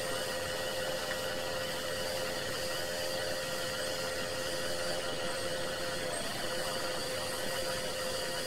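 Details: Steady mechanical hiss and hum with a constant faint tone, unchanging throughout, from an aerosol nebulizer running off an oxygen cylinder, recorded as 26-minute white noise: nebulizer running.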